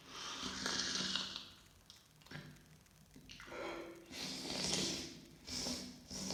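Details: Repeated wet, hissing nasal snorts and sniffs with breathy airflow through the nose over several seconds, after a sneeze that left mucus on the face; snorting.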